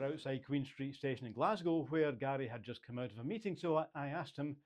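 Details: Adult male speaker, narration; Fluent speech.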